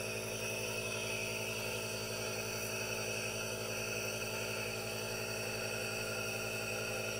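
Steady, unbroken mechanical hum and hiss of a running aerosol nebulizer, with no breathing or speech.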